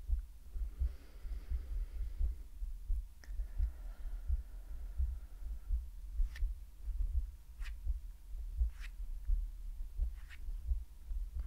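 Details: ASMR medical roleplay of a woman's normal heartbeat, heard with breathing sounds and whispers, intended to be relaxing and listened to on headphones.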